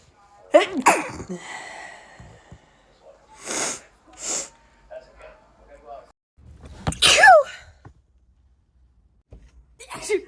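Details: Compilation of women sneezing: several sharp sneezes from different people with brief talking between; sneezing.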